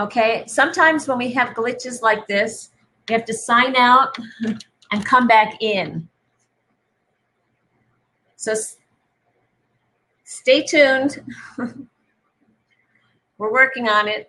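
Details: Adult woman speaking; Normal speech.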